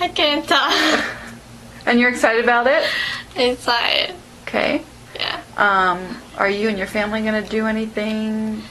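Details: Adult woman, speech therapist; normal speech.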